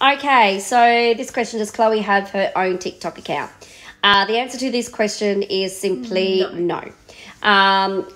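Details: Adult woman speaking; Normal speech.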